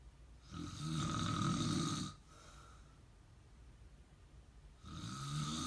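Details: A loud, rough snoring sound on each breath in, with a quieter pause between; ordinary snoring.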